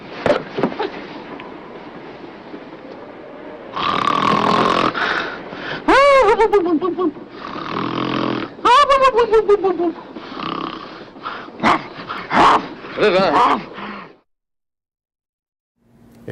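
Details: Loud rattling snoring with whistling, swooping tones, repeated irregularly, presented by a dentist as a main sign of sleep apnea, in which sleepers stop breathing.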